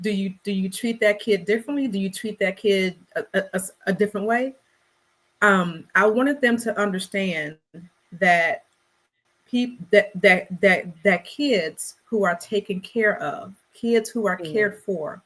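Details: Adult woman who describes herself as a person who stutters; word and phrase repetitions are heard. Stuttering.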